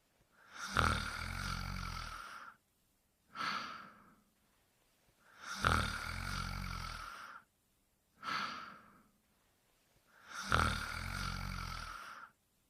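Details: Cartoon Pink Panther snoring quietly: slow, rhythmic snoring, about 12 breaths a minute, each rough in-breath followed by a softer whistling out-breath; simulated snoring.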